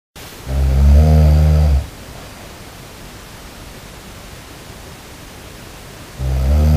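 Two loud, deep, rumbling breaths about five seconds apart over steady hiss, typical of snoring.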